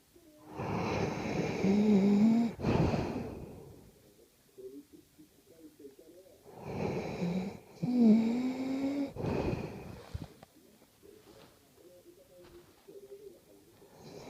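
Two long, loud, rattling breath sounds with a low vibrating buzz, separated by quieter breathing; snoring.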